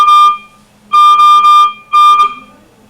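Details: Ventilator on an intubated ICU patient: loud repeating electronic alarm tones in bursts while oxygen settings (around 60%) are being changed.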